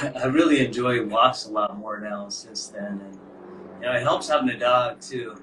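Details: Adult male speaker; Normal speech.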